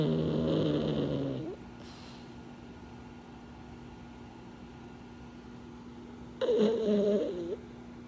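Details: Sleeping pug snoring: two loud, buzzing snores about five seconds apart with a steady low hum between them, typical of a flat-faced dog.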